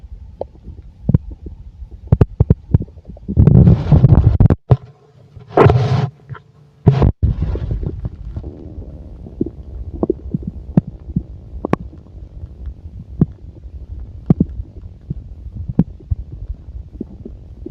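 Loud gurgling rumbles early on, then scattered sharp clicks and pops: active bowel sounds from a full stomach, a normal finding.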